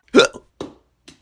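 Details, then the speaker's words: Hiccups in a scripted skit, after eating a "hiccup lollipop": three short, abrupt gulping hiccups within about a second, each fading quickly. "gosh i need to stop hiccupping can someone scare me"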